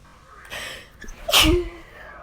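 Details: One sharp, explosive sneeze after a quick intake of breath, with a short voiced tail and snot everywhere.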